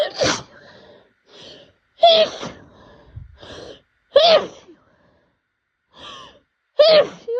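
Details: Allergy-season sneezing fit: four powerful, wet, sharp sneezes in quick succession, each preceded by a short in-breath; rapid, snotty sneezes.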